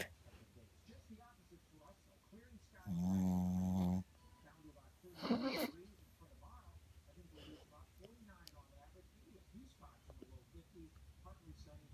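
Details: Mother snoring during sleep: one loud buzzing snore lasting about a second, then a shorter snort, in a quiet room; ordinary sleep snoring.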